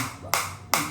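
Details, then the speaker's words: Two sharp, snapping clicks about 0.4 seconds apart, each a single pulse from a focused (not radial) shockwave therapy device applied to the hand at intensity 10, self-treatment: shockwave therapy device firing. "So right now I'm getting very affected focus shock wave on the hand area and uh this is the intensity 10."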